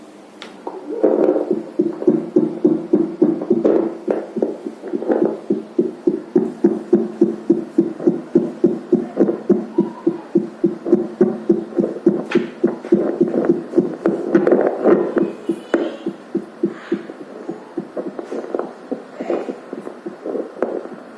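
Rapid, regular whooshing pulses from a fetal Doppler simulator at about 210 beats per minute, a calibration test point.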